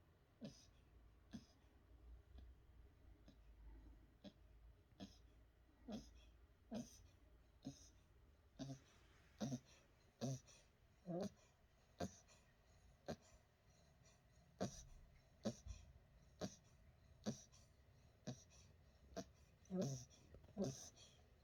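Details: Sleeping 3-month-old Westie puppy, hyperactive by day, snoring at night: faint rhythmic little snorts with each breath, about 70 per minute: soft snoring.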